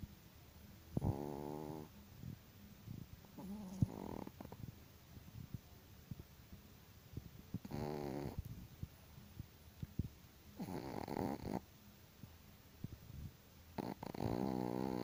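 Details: A sleeping Chihuahua dog snoring loudly, with repeated short, buzzing snores and rattling vibration, about one every three seconds, over quiet room noise. Snoring.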